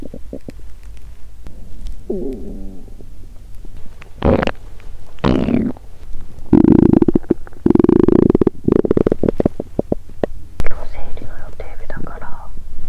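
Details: Adult woman, period due with bloated stomach: gurgling, squeaking stomach rumbles with low growls; hunger borborygmi from an empty stomach, a normal finding.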